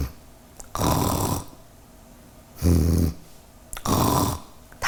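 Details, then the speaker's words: Nasal snoring with mouth closed, breathing through the nose: repeated low, fluttering snores in quick succession from the vibrating soft palate. "입을 다물고 코로 숨을 쉴 때 나타나는 소리가 코골이입니다. 코골이, 코골이는 입천장에서 소리가 납니다."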